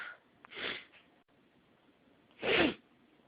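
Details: Two short, partly stifled sneezes over steady background hiss: morning hay fever (allergic rhinitis) sneezing from pollen, before the person had taken their daily antihistamine.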